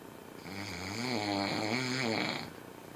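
One long, voiced, buzzing snore, rising and falling over about two seconds; snoring.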